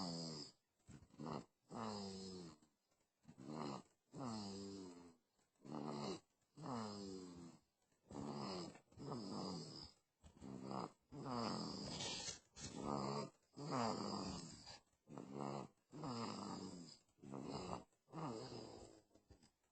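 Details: A sleeping 2-month-old baby snoring surprisingly loudly, with a rattling snore on nearly every breath at about 25 breaths a minute; infant snoring.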